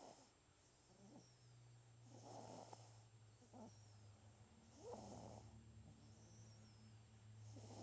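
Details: A 9-day-old baby who inherited his father's snoring, snoring softly and regularly at about 24 breaths a minute, with a faint fluttery noise on each breath over a steady low hum.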